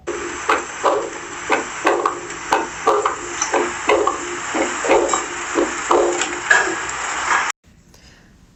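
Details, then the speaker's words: Diastolic heart murmur in a teaching demonstration: regular heart sounds about 60/min with an added murmur from S2 to S1, filling the gap between beats in diastole. "este caso la alteración es de s 2 a ese 1 que sería durante la diástole"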